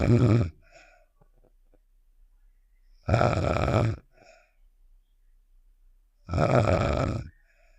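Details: Cartoon sound effect of a character snoring, not a real recording: three slow, deep, rough rumbling snores about three seconds apart; imitation snoring.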